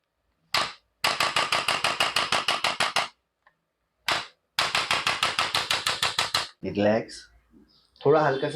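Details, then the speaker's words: Knee arthritis patient with stiff, painful knee movement receiving chiropractic adjusting-gun treatment to correct knee alignment: two rapid runs of sharp mechanical clicks, about a dozen each, followed by brief voices. "The रोपट gun य gun से हम इनका जो align मेंट है य हम ठीक करेंगे"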